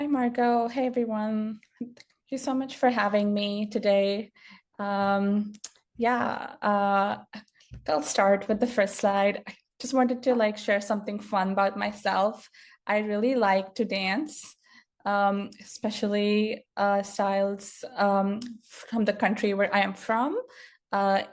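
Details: Adult woman who has stuttered since childhood, which she says speech therapy did not improve; stuttering heard in her speech.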